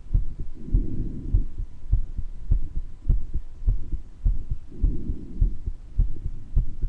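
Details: Person recording their own heart murmur, with mild bronchitis: steady low heart thumps, a soft rushing sound between beats, and a couple of brief adventitious breath noises (occasional wheezes).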